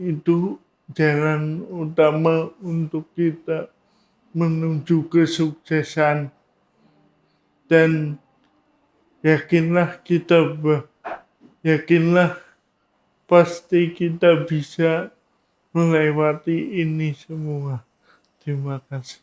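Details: Adult man with cerebral palsy, no speech disorder named; speech in cerebral palsy (possible dysarthria).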